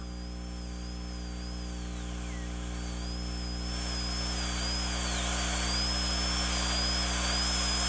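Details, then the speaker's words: Child's mandibular left second primary molar prepared for stainless steel crown under rubber dam: steady high-pitched drill whine dipping under load over room hum as the bur angle increases to reduce the distobuccal cusp slope. "As the cusp tip is reduced, increase the angle of the burr to reduce the slope."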